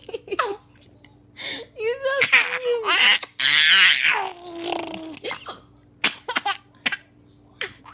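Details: Person laughing: sudden sharp hiccup catches breaking up bursts of laughter and giggling, several within eight seconds; hiccups.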